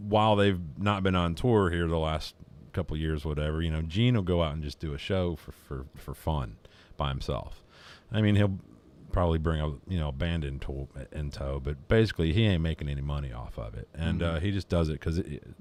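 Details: Adult man with Tourette syndrome diagnosed at 15–16 by neurologists, with a severe childhood speech problem that is still present but less obvious; stuttering-like speech disfluency (Tourette syndrome).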